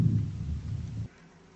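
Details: Normal vesicular breath sounds heard at symmetric points over the back along the scapular line, 7th to 9th intercostal spaces, right then left, during lung auscultation.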